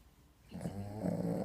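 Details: Dog snoring while lying on another dog: low, rumbling vibration after a brief quiet moment.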